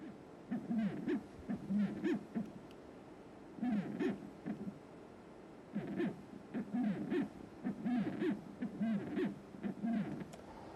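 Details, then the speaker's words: Pulsed-wave tissue Doppler of mitral annulus motion on transthoracic echo, septal side, beam aligned parallel to wall motion; low whooshing paired tones each beat showing systolic, isovolumic, e′ and a′ velocities for diastolic filling assessment. "so now in order to finish with the diastolic parameters i will try to assess the velocities at the mitral annulus using the tishula doppler in a pulse wave modality"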